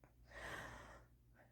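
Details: Person who just woke up with sudden, very strong hiccups: a single quiet, sharp inward breath, heard as a gasp.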